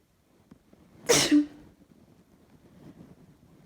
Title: Allergy sneeze